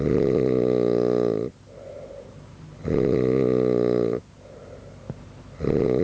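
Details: Adult man sleeping, snoring loudly enough to keep others awake all night: loud, rough buzzing snores on each in-breath, about every three seconds, with quieter out-breaths; heavy snoring.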